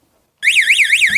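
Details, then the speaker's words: Loud rising-and-falling electronic siren sounding abruptly as an AED storage box is opened during a CPR/AED training demonstration, signaling a patient emergency; AED cabinet alarm. "だからボックスが開かれたのは、患者が発生したのです"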